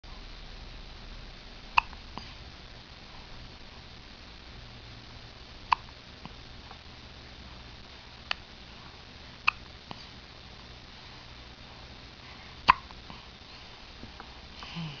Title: Baby Hiccups